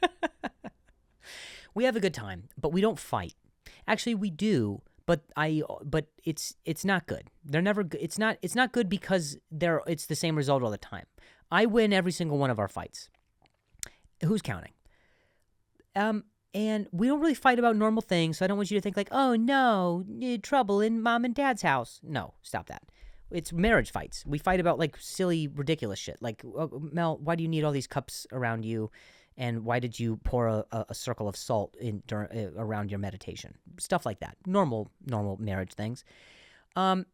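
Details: Adult male comedian who stutters and says he sometimes switches words after stuttering; word repetitions; stuttering.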